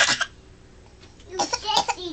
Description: is a ham, a drama queen and this her "coughing"